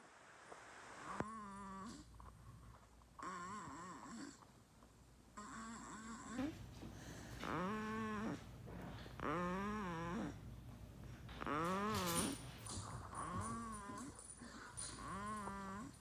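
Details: A 1-month-old baby girl, asleep, makes rhythmic, squeaky, voiced snoring noises with each breath, about 30 a minute; infant snoring.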